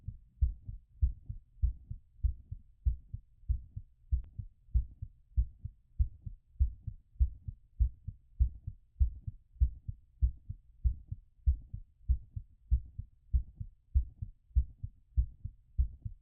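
Steady, regular low thumping heartbeats at about 98 beats a minute, slightly fast and strong. These are normal heart sounds in the recovery phase after exercise, with the rate still raised from exertion and gradually settling.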